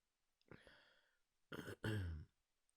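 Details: Stifled sneeze held back in the morning to avoid waking others: a soft intake of breath, then two quiet, muffled bursts.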